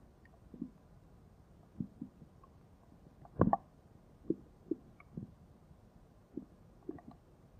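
Soft, irregular low gurgles and squelches in a quiet room, the bubbling of gas and fluid moving through the gut: stomach rumbling.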